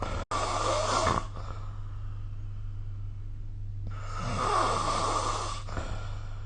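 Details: Snoring during sleep recorded with a phone snore-recording app: two long, rough, rattling snores on breaths about four seconds apart, with snorting, over a steady low hum.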